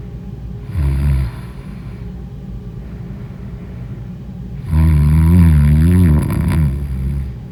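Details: Snoring in deep sleep: two loud, deep, rattling snores on inhaled breaths, separated by a quiet pause.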